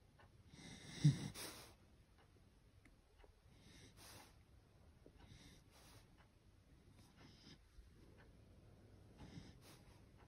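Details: Sleeping beagle: soft, airy breathing with a louder snort early on, then quiet hissy breaths about every second or two; snoring.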